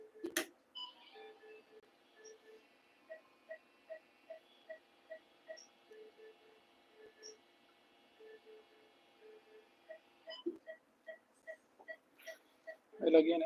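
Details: Phacoemulsification machine running during cataract surgery on an 8-year-old female Labrador with mature cataract: quiet steady electronic tone with regular soft beeps at a low level, vacuum set 300, power around 70.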